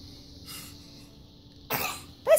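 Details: Animal, possibly Lila, sneezing and shaking its head: after a quiet stretch with faint room hum, one sharp explosive burst of air, then the start of a second.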